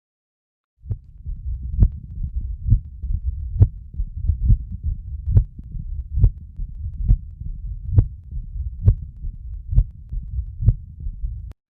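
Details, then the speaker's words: Mitral stenosis: regular heartbeat near 67 per minute with a loud first heart sound and a low, rumbling mid-diastolic murmur. "Just remember, it's a mid-diastolic murmur. All right, this is a murmur of mitral stenosis."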